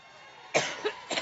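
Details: Adult woman at a campaign rally: after a brief quiet moment, three short, harsh coughs in quick succession, the start of a coughing fit.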